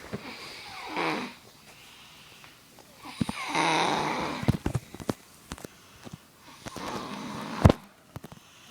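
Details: Little brother snoring loudly while asleep: several rough snoring breaths with snorting, fluttering sounds and clicks between them; ordinary snoring.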